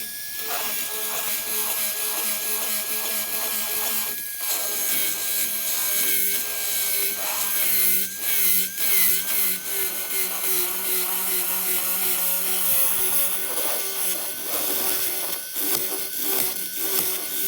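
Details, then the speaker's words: Steady high-pitched whine of a dental drill with a fissure bur at moderate speed, finishing a Class I bow-tie cavity preparation on a premolar, at least 2 mm deep. "Toujours avec la fraise fissure, je vais procéder à la finalisation ou à la finition de ma préparation."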